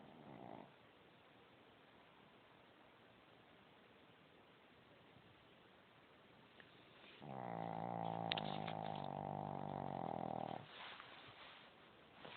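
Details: Snoring from Gizmo, a little dog, asleep: one long, buzzing, rattly snore on the in-breath lasting a few seconds.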